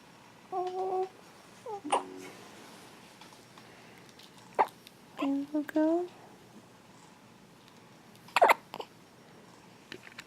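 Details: Hiccups in a newborn baby on day two in hospital: sharp, brief voiced catches at about 2, 4.6 and 8.4 seconds with babbling between.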